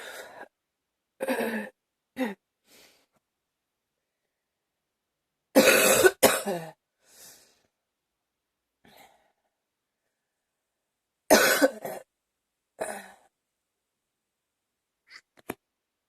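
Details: Hard coughing with gagging, recorded some time earlier: repeated hard, forceful coughs in separate bouts with quieter throat sounds between.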